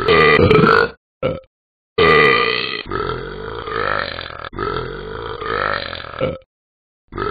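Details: Animated character (Talking Ben) producing long, loud, drawn-out voiced belches, several in a row with brief pauses, after drinking apple cider; simulated burping.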